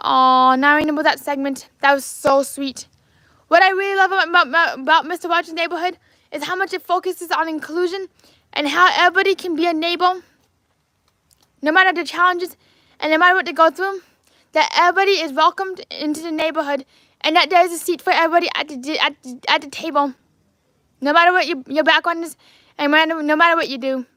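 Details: Adult man with lifelong apraxia of speech, originally diagnosed as childhood apraxia of speech at age four: apraxia of speech.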